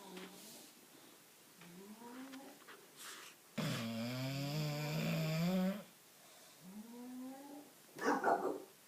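A bulldog's snoring: soft rising whistly breaths, then a long loud droning snore and a short snorting rattle; snoring.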